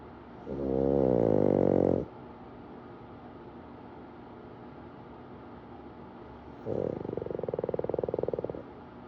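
Two loud, rough, rattling snores about five seconds apart in a quiet room; snoring from a sleeping short-nosed dog.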